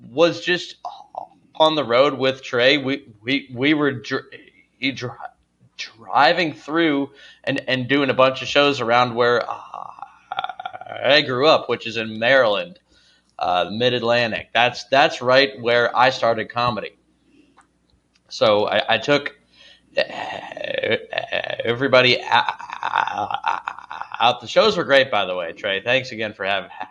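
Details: Adult male comedian who says he has a stutter: stuttering.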